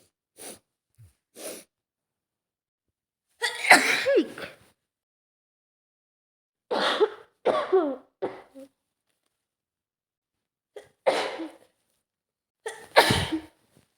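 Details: Sneezing in an adult female with an autumn cold: several forceful sneezes in short bursts, each preceded by a sharp inhaled catch, separated by quiet pauses.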